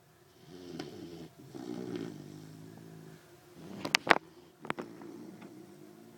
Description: Puppy sleeping snores loudly